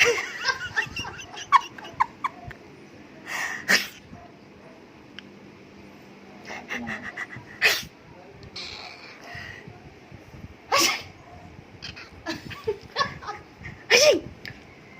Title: My cat hates it when I sneeze